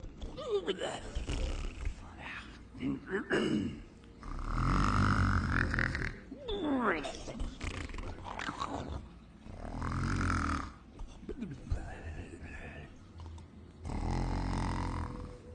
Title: Dreaming & snoring Cat. Dreams about being drowned in pool of Tuna Purée with Chicken Flakes